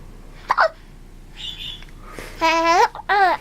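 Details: Hiccups in an infant not yet eating solid food, who laughs at them: short, sudden hiccup sounds mixed with babbling and squeals.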